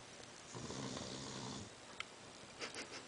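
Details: One low, rumbling snore over a noisy room background, followed by faint sniffing sounds; snoring during sleep.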